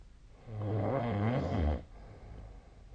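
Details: Nightly sleep snoring recorded on 2025/02/01: one low, fluttering, rumbling snore lasting just over a second, then quiet breathing noise.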